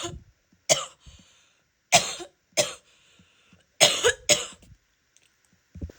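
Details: Female giving a wet, productive cough with spitting.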